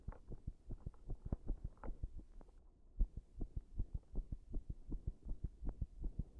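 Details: Heart sounds with arrhythmia brought on by compression: muffled, low thumps at uneven intervals with a brief pause partway, an irregular rhythm.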